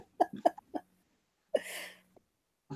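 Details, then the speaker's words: Sick man coughing and laughing: several short laughing bursts, then a single breathy cough, with a faint hum behind. "You got a sick man to cough and laugh."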